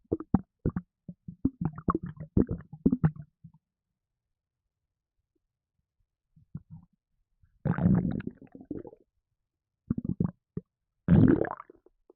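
Bursts of low gurgling, popping and sloshing with silent gaps; ordinary bowel sounds after drinking a fizzy drink.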